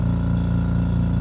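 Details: Continuous low hum with a steady throb from a refurbished home oxygen concentrator running during flow-rate and oxygen-purity testing, with the flow turned down low.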